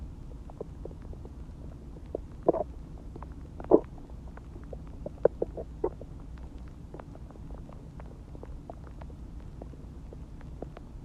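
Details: Borborygmi, stomach growling after eating Chinese food and drinking water: gurgling digestive rumbles.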